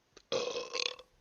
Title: Streams Burps Compilation